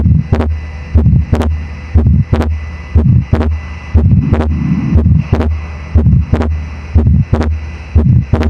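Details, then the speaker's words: Fixed split second heart sound on a simulator, about 60 a minute: after a small crescendo-decrescendo midsystolic murmur, the second sound is two close clicks, same separation whether inspiring or expiring. "y ahí escucharán el segundo ruido desdoblado, que tiene el mismo grado de separación, no importa si el paciente inspira o expira."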